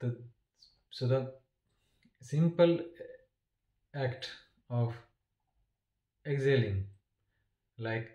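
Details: Adult man who stammers, with long pauses and blocks between words, which he attributes to failing to exhale on time and lips or tongue getting stuck; stuttering.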